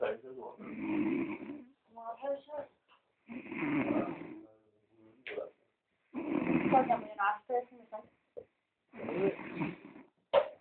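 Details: Woman snoring in a quiet room: rough, rattling snores on each breath in, quieter snorts and catches between, about 21 breaths a minute; she denies snoring.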